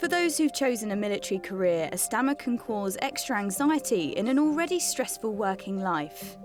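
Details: Adult female narrator with background music; plain speech.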